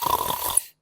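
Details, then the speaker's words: Imitated snoring, produced in the throat by an adult who says they snored and developed sleep apnoea when heavier. A deliberate demonstration of the snoring sound. "The verb "to snore" is to produce that sound with the throat."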